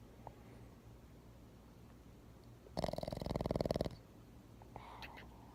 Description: Winston was sleeping and snoring, as always, and I discovered this mystical sounds I could make with his cheek.